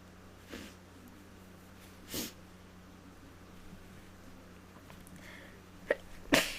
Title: Allergy sneezes